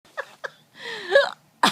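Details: A young boy, laughing at his great-grandmother's hiccups, catches them himself: short, abrupt voiced catches mixed with laughter; hiccups during laughing.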